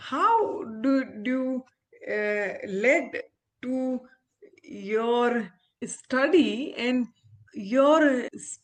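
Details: Aphasia after stroke in an adult woman, an ophthalmologist, who had the stroke after delivering twins seven years ago; recovering speech with speech-language pathologists, communication still hinders her.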